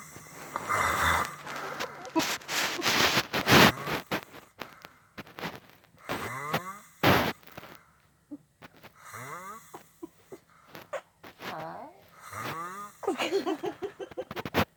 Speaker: This is Daddy when he snores. But he says he doesn't.